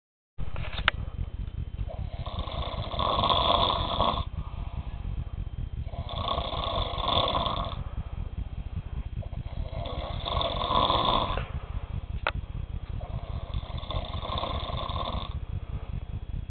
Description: It's like a vacuum sucking up water